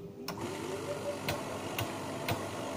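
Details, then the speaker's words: Oxygen concentrator start-up: switched from standby to on, rising motor hum with regular clicks about every half second as the compressor starts; unit has 0–5 L/min flow, humidifier and nebulizer port. "this is your off switch this is in standby mode please press on switch"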